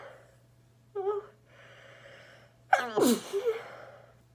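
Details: A single sneeze: a short voiced intake, then a sharp, explosive sneeze trailing into a brief vocal tail.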